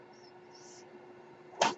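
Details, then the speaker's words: Mechanical ventilator breath cycle from the speaker's own ventilator, heard while he talks: soft airy hissing over a steady low hum, then a brief sharp puff of air. "My name is. That noise you're hearing is my ventilator."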